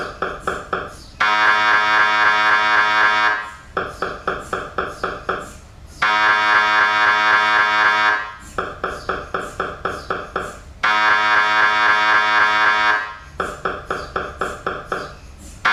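Loud buzzing tones alternate with rapid rhythmic knocking at about four a second, repeating in a cycle. Typical MRI scanner sequence noise.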